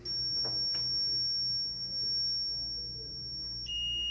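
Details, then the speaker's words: Defibrillator test demonstration, charged and discharged by one operator: a steady high electronic tone drops to a lower tone with sharp clicks as it charges and delivers repeated test shocks. "네, 이렇게 혼자 해서 샵 주고 또 충전해서 또 샵 주고 네, 계속 할 수도 있습니다."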